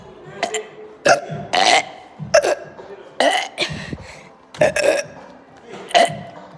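About eight loud, voiced belches in quick succession over several seconds; repeated burping.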